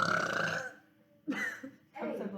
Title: Short burping video 2